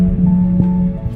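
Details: Left ventricular assist device pump hum in an adult man with congestive heart failure diagnosed in 2014, before his heart transplant.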